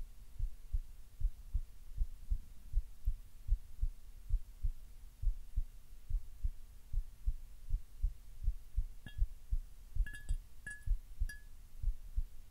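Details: Relaxed person's heartbeat, steady and regular at about 80 beats a minute, still a little on the fast side; slightly fast heartbeat.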